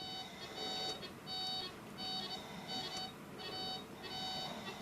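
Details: Steady high-pitched pulse oximeter beeps at about 90 a minute during neonatal resuscitation training of a depressed term singleton newborn; heart rate improves to about 100 with ventilation, so chest compressions stop.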